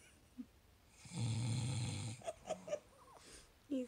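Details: A husband asleep on Christmas morning gives one loud, low rattling snore on breathing in, followed by quieter breath noises in a quiet room.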